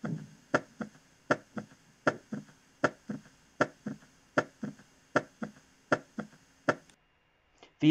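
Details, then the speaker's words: Teaching audio of an S3 gallop: a regular three-part heart rhythm near 78 a minute, with a soft extra sound just after the second heart sound ("ta ta ta"). "cómo suena justo después de lejos del ruido accesorio suena ta ta ta ta ta ta"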